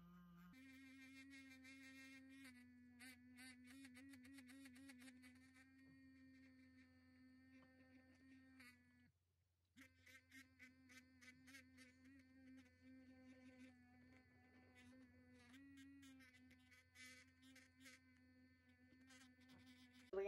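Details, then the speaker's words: Steady high buzzing hum with brief pauses from a vibrating look-alike of a Cavitron ultrasonic scaler, used to demonstrate dental scaling of the anterior teeth. "I'm going to be doing a caviar NAT demo for you guys using this Cabot Ron dupe it's so funny it how much it resembled the Cabot Ron because of how sharp it is and even vibrates"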